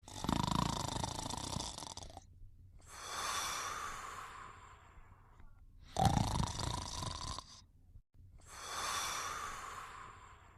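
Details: Simulated cartoon snoring of the character Hong Kong Phooey asleep: loud rasping inhalations alternating with airy whistling exhalations, about six breaths a minute.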